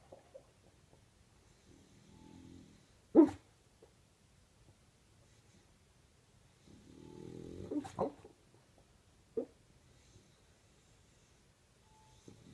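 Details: Sleeping bulldog whose snores and sleep barks wake a person from a nap: quiet, rough snoring breaths with a few short, sharp sleep barks in between.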